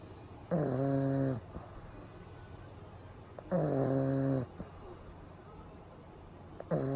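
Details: Pug sleeping during a daytime nap with eyes rolled back showing the whites, recorded close up; loud, rattling snores in a slow steady rhythm of about 20 a minute, quiet breathing between.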